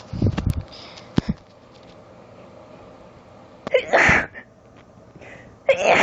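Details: Short, strong allergy-triggered sneezing fit in a female, recorded in bed on a handheld cellphone and cut off accidentally mid-sneeze: two sharp, explosive sneezes, each preceded by a quick inhalation, with a brief pause between them.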